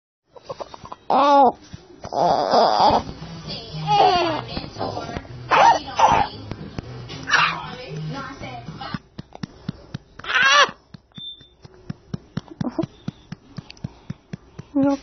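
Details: 4-week-old infant with possible RSV: several short, harsh coughs mixed with fussy, strained cries.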